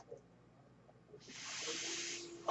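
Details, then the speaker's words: Podcaster's own mechanical ventilator heard in the background while he speaks; mechanical ventilator sound. "That noise you're hearing is my ventilator."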